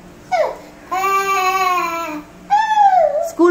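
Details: A little girl cries in long, wailing voiced bursts with a short breath between them, wanting to go to school immediately; child crying.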